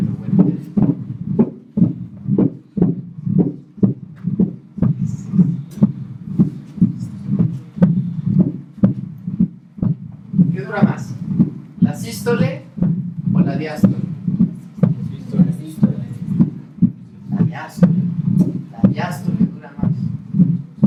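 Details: Regular heart sounds about 60 a minute with a low rumbling murmur filling the long diastolic phase at the mitral area, on a Harvey cardiology simulator: mitral diastolic rumble.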